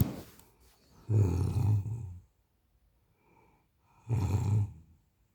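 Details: A person snoring in sleep: low, rattling snores on inspiration, two breaths with a quiet pause between; ordinary snoring.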